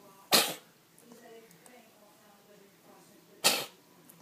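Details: Two sharp, hissing bursts about three seconds apart over a quiet room: a cat sneezing twice.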